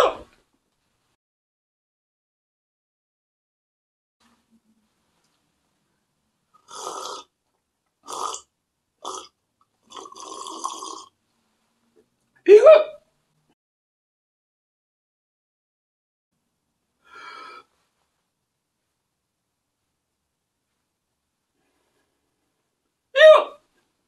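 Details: Hiccups in an adult man: sharp, loud voiced gulps recurring about every ten seconds between quieter sounds.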